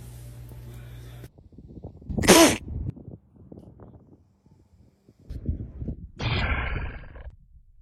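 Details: Two short, sharp sneezes from a small pet, with soft background music at the start.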